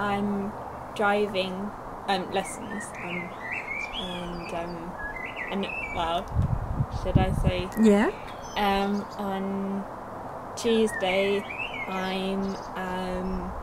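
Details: Young woman, two years after a stroke at age 18, with Broca's aphasia affecting speech, reading and writing; Broca's aphasia.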